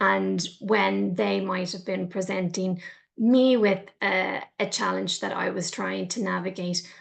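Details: Adult man, a person who stutters and a stuttering advocate, giving a talk; stuttering.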